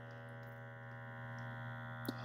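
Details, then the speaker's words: Automatic upper-arm blood pressure monitor, apparently the battery-powered iHealth Track, inflating its cuff on a user who had been exercising a little: a steady motor hum with a faint click near the end; monitor inflating. "Okay, so let's just do a quick blood pressure reading. This one, they both take about the same time."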